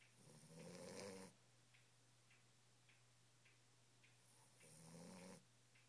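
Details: Nine-week-old Boxer puppy asleep, giving two soft rumbling snores with a quiet pause between them over steady background hum; ordinary snoring.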